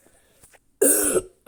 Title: jugando con tos seca 😩